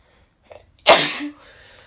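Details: A faint indrawn breath, then one loud explosive sneeze with a short voiced tail, from a female with bad summer hay fever.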